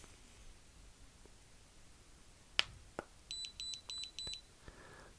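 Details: A soft click, then four short high electronic beeps from a non-contact forehead thermometer finishing a reading of 36.4 °C, in a quiet room during a simulated ASMR post-viral-infection exam.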